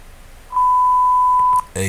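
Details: A steady one-second pure beep at a moderate pitch, the test tone of an online self-administered hearing test.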